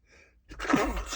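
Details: Male stifling strong sneezes: a faint catch of breath, then a harsh, muffled burst held back through a closed mouth; stifled sneeze.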